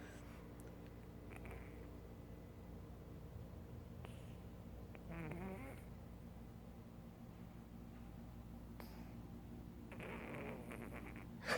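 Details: Sleeping female cat snoring softly and faintly, with a rough sound on each breath over a steady room hum.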